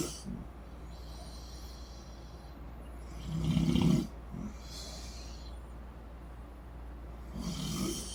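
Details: Mother and sister snoring while asleep on vacation, both deny snoring: loud, harsh snores in bursts, likened to chainsaws, with quieter breathing between, over a steady low room hum.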